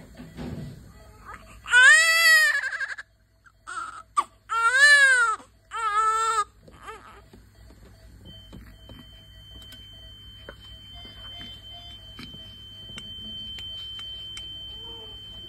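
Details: Newborn baby (likely girl) shortly after birth, described as hungry and keeping her hand up: several high-pitched, rising-and-falling cries, then quiet with soft room sounds and a faint steady tone. Normal newborn crying.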